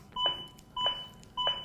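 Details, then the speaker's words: Zoll AED Plus CPR metronome in a hospital training demonstration: regular two-tone beeps at about 100 per minute pacing chest compressions of 5–6 cm, with voice prompts ("Push harder", "Good compressions"); beeps continue even when compressions stop. "Je ne fais rien, la musique continue. C'est bien une preuve que c'est, comme on l'a dit précédemment, un métronome."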